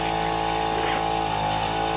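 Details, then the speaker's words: EMT skills demonstration on a mannequin: a suction catheter draws up sterile water with steady whining, gurgling suction to clean it after suctioning of no more than 15 seconds. "you got the suction there okay all right 15 seconds in I want to clean my catheter here"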